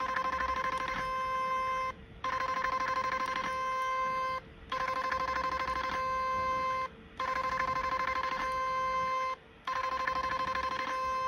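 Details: Steady electronic beeping in regular bursts of about two seconds with short pauses as a portable 7D HIFU handpiece fires shot lines over cooling gel during face-lift treatment, working from down upward: HIFU device firing.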